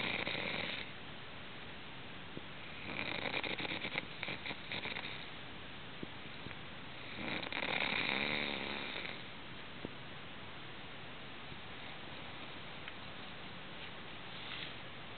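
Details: Several noisy, fluttering snores on the in-breath against steady background hiss, from a person sleeping in a hotel; snoring.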